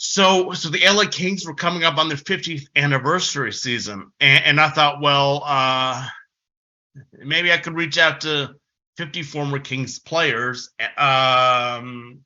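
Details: Developmental stuttering since about age six in an adult man, a person who stutters giving a conference presentation; stuttering.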